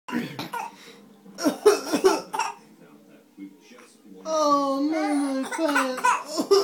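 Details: A 6-month-old girl makes short deliberate cough-like bursts followed by a drawn-out whiny cry, a playful fake cough and fake crying.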